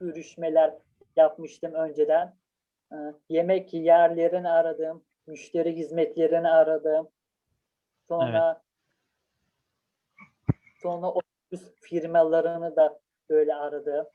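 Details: Stuttering in a Turkish-speaking person who stutters, has used prolongation techniques from stuttering therapy, and practises desensitization through phone calls.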